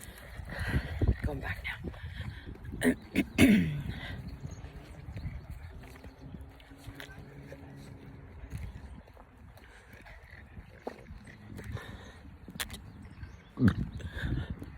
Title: 🚨BURPS in the Wild: Loud Deep Rolling Multiple - Wtf is in my hair? #shorts #burps #burping #gross